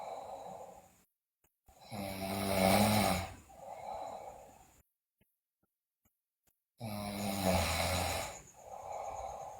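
Two loud rattling snores on the in-breath, each followed by a quieter breathy out-breath, with pauses between; snoring in a sleeping child.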